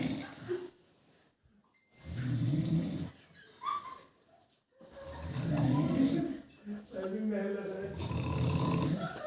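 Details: Snoring: loud, rough snoring breaths in irregular cycles, about 20 a minute, with some background noise.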